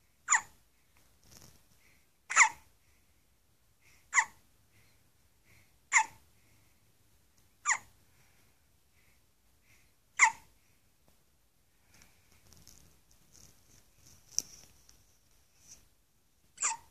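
Sharp, abrupt gulping sounds recur about every two seconds, with faint breaths between them: hiccups.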